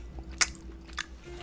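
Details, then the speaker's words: Adult chewing chewy jelly beans: two sharp, brief clicks over a low hum from a clicking temporomandibular joint. "chewy sweets they make my jaw click if you'll hopefully probably probably hopefully probably all be able to hear it"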